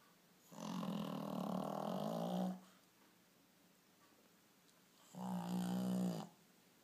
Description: My little Shih Tzu Puppy Teddy sleeping in my girlfriends arms.... loud snoring :)